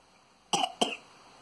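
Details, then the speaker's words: Toddler with cystic fibrosis whose chesty cough has worsened over several days, prompting a hospital cough swab; two short chesty coughs with a slight rattle, a wet, rattly cough. "okay so as you can see from that coffee it has got a bit of a rattle to it"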